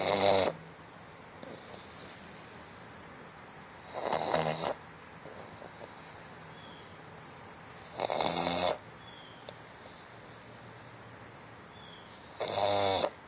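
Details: Otis, relaxing asleep, gives loud rattling snores on each breath in, about 14 a minute, with quiet pauses between; ordinary snoring.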